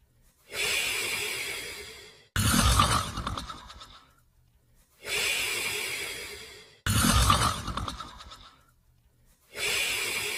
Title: Border Collie & Australian Shepherd Sleeping & Snoring